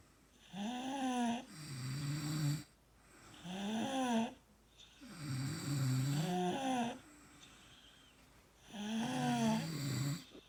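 Loud, rhythmic rattling snores with each breath in and a grumbling breath out, about four cycles in ten seconds: heavy snoring.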